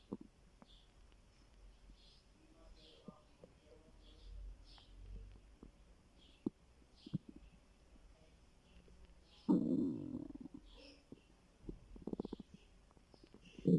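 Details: Stomach growling from hunger in a person who says they were starving: quiet gurgles and clicks, then a louder drawn-out rumbling gurgle.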